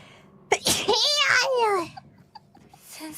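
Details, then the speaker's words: A VTuber sneezing on stream: one high-pitched, drawn-out voiced sneeze with a sharp burst and falling squeal, followed by quiet small sounds. "Where did the sneeze come from?"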